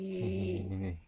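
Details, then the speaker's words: A loud, low, rumbling snore with a steady buzzing tone, about a second long, likened to a tiger's roar, from a person sleeping who seems exhausted from the night before: snoring. "suara apa guys kayak suara harimau guys lagi mengaung aku baru tahu ini"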